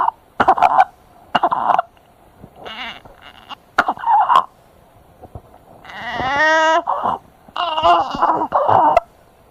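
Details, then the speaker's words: Stethoscope auscultation example: harsh, high-pitched crowing noises with repeated breaths, stridor, described as very common in children with airway obstruction. "والصوت اللي هنسمعه دلوقتي اسمه صرير وده مشهور جدا عند الاطفال اللي بتعاني من انسداد في"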